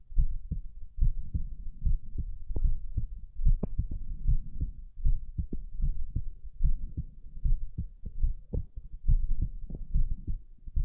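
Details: Dull low heartbeats around 73 a minute under heavy rubbing and movement noise, recorded during abdominal crunches; normal heart sounds.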